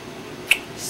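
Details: Single tiny, sharp, hissing snap of a cat sneeze in a quiet room; sneeze.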